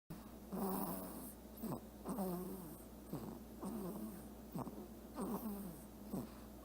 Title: What Do Princess Snores Sound Like?